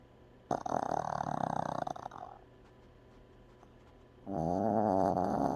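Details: Dog asleep: two loud, rough, buzzing snores separated by a quiet pause; snoring.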